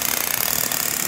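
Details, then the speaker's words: Fast, even rattling pulses, roughly thirty per second, with a hissing rush from a Sciton Halo hybrid fractional (erbium) laser resurfacing a man's chest skin for crepiness and discoloration; fractional laser in operation. "guys could see, show them up close all the little dots. That's the erbium. That's the little dots that are gonna exfoliate and peel. That's gonna give him brighter skin, improve the wrinkles."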